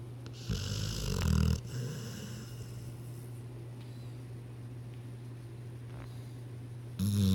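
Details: Sleeping pet dog, snoring: two loud, low, rumbling snores separated by a long quiet stretch over a steady low room hum; the owner wonders whether he was dreaming.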